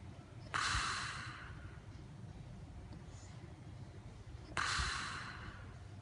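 Two abrupt loud snorting breaths about four seconds apart, each trailing off into quiet breathing; heavy snoring with snorts.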